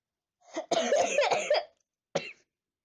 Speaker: You see how much times I'm sneezing?